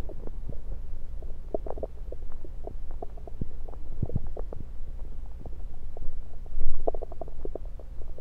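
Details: Bowel sounds heard through a stethoscope placed around the belly, recorded mainly to show stethoscope placement: irregular gurgles and rumbling clicks over a low steady hum; ordinary active bowel sounds.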